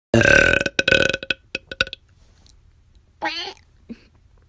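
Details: A long, loud, rumbling burp that breaks into a series of shorter belches, followed by a brief voiced sound: burping.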